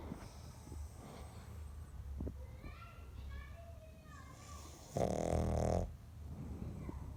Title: Snoring pug